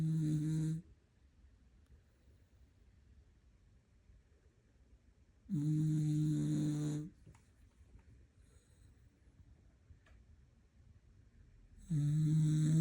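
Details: Moo, deeply asleep, snoring for over a minute: loud, low, droning snores on each in-breath, separated by long quiet pauses, about 10 a minute; heavy snoring.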